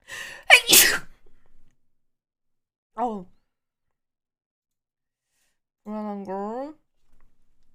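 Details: A single ordinary sneeze: a sharp, forceful burst with a quick intake before it, followed by brief voiced exclamations.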